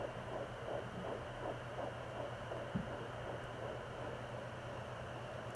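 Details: Home Doppler at 13 weeks of pregnancy, mother believes twins: rapid rhythmic whooshing fetal heartbeat near 155 beats per minute, fading midway.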